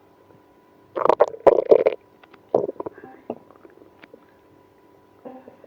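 Loud bursts of gurgling, squeaky stomach growling that fade into softer rumbles, active bowel sounds linked to irritable bowel syndrome.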